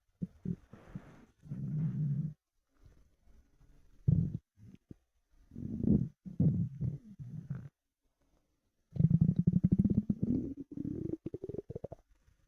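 Low gurgling and rumbling bursts from the belly, typical hunger rumbling of an empty stomach, a normal finding.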